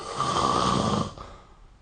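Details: A single loud, rough, rattling snore on an in-breath that fades away: adult snoring during sleep, recorded with a snore-recording phone app.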